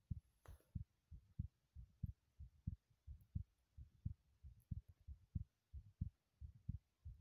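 Quick, regular low thumps at about 94 beats a minute, a heartbeat sped up by exercise.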